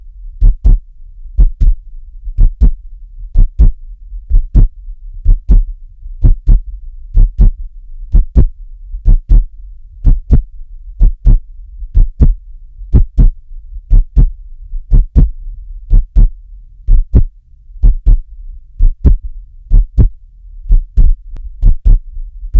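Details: Steady, regular paired heart sounds at about 62 beats a minute.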